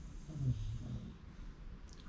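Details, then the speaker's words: Loud, low rumbling snore from a sleeping bulldog that swells and fades against quiet room noise; dog snoring. "he's really snoring loud can you guys hear that"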